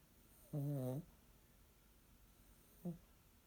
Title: Snoring Yorkie